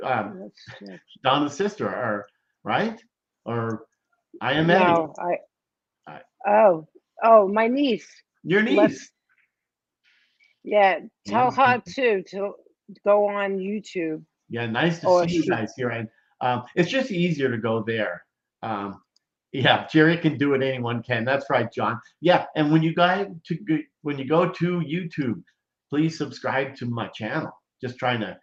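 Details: Post-stroke aphasia in a 57-year-old woman after a major ischemic stroke at age 45, 2011, affecting her right side and speech; she could not talk at first, and says speech is improving but worsens with emotion.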